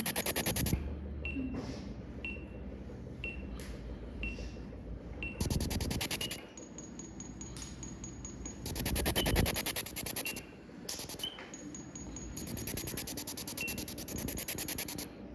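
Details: Phacoemulsification cataract surgery, direct chop technique, NS2 nuclear cataract: bursts of high buzzing pulses with short beeps and quiet gaps as the machine emulsifies the chopped nuclear fragments.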